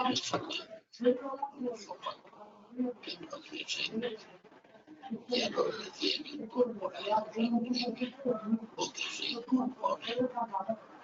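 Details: Man after total laryngectomy for laryngeal cancer, speaking first with esophageal voice, then with a tracheoesophageal prosthesis (valve) while occluding the stoma; alaryngeal speech (esophageal and tracheoesophageal voice).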